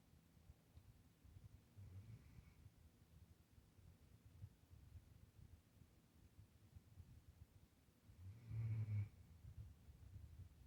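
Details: Puppy snoring hard while asleep in his bed: soft, low rumbling breaths with two louder snorting snores a few seconds apart.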